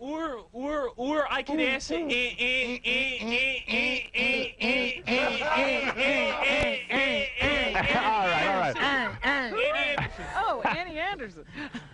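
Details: Stuttering in an adult male contestant in a rock and roll trivia game, referred to as stammering.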